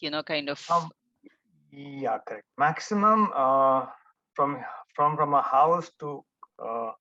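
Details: Adult male stroke survivor; after the stroke he could not talk and no one understood him, was almost mute about one and a half years, did daily speech practice with a therapist, and speech remains a setback; post-stroke aphasia.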